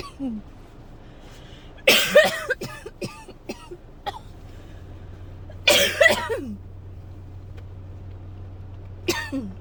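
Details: Adult who woke up coughing that morning, nonstop and getting sick, in a painful fit that cannot stop: dry cough.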